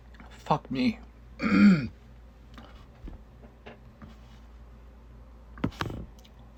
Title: CC round 2 (1 of 2) coughing fit made me quit. Follow up vid after.